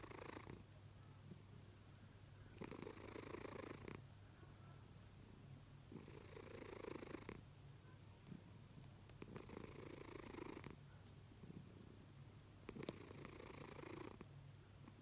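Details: A sleeping cat snores loudly enough to wake its owner, in regular rough noisy bursts at about 18 breaths a minute.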